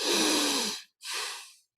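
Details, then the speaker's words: Simulated (imitated, exaggerated) natural sleep breathing during a guided meditation: long breathy inhalation, exhalation, then a long natural end-expiratory pause before the next breath, likened to a snorer's pause. "quand on respire naturellement en fait comme un dormeur un dormeur respire un petit peu de cette manière je le fais plus fort que vous entendiez fais une longue pause puis reprend son"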